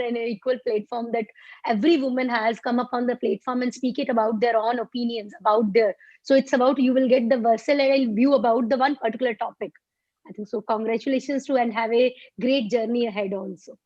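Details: Adult woman speaking; ordinary speech.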